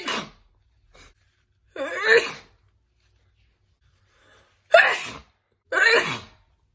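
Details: A woman's sneezing attack: a run of loud, forceful sneezes, several with a sharp in-breath before the burst; a sneezing fit.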